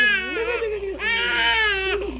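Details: 4-month-old baby during ear piercing: loud, high-pitched wailing cry in two long bursts, typical of a pain cry.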